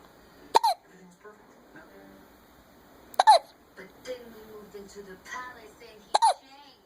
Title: Another case of the hiccups